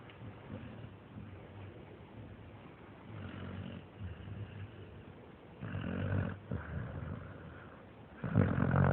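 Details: Sleeping American Staffordshire terrier (amstaff): low rumbling, snorting breath sounds, swelling louder toward the end: snoring.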